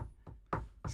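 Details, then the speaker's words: Chest percussion demonstrated by striking a hand placed on the chest wall: a few dull, low knocking taps, used to tell whether air lies beneath (resonant) or not (dullness). "vous mettez la main et vous tapez dessus voilà bah c'est pour savoir si en dessous il y a de l'air ou pas c'est-à-dire s'il y a de l'air"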